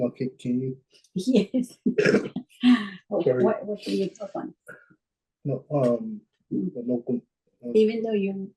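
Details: Dysarthria in a 26-year-old man with cerebral palsy from birth, born at about a pound and a half; his mother says the condition limits his expression.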